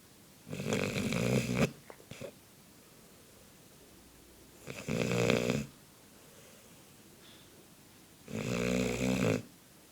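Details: Labrador dog: three loud, rough snoring sounds about every four seconds, roughly 15 breaths a minute, with quiet pauses between; a dog snoring.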